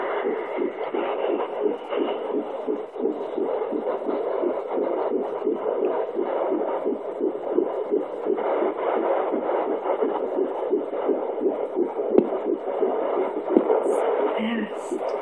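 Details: Fetal heartbeat at 10½ weeks of pregnancy on a handheld Doppler: fast, rhythmic whooshing pulses at around 170 beats a minute.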